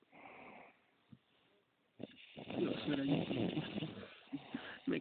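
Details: Adult man snoring: a brief soft breath, a pause, then a loud, harsh, rattling inhalation lasting about two seconds.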